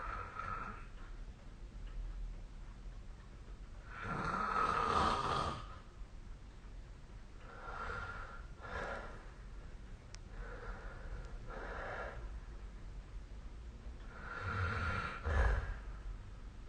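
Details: Snoring during sleep, recorded with the SnoreLab snoring app: soft, breathy snores rise and fall several times against a quiet room hiss, fainter and less regular than typical loud snoring.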